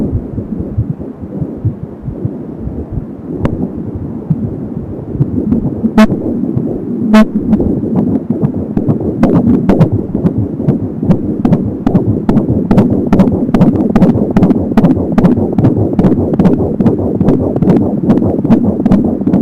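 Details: Fetal heartbeat at 21 weeks of pregnancy via Angel Sound home fetal Doppler: rapid rhythmic whooshing at 170 beats a minute, with whooshing umbilical cord sounds.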